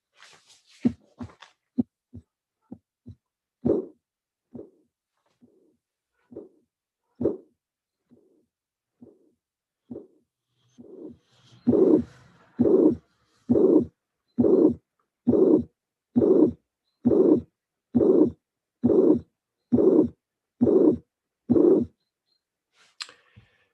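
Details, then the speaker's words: Teaching recording: first and second heart sounds, then a soft systolic mitral regurgitation murmur appears, heard at the apical mitral area. "please put in your brain that murmur because this is a a very good example of soft Regan mital mmur"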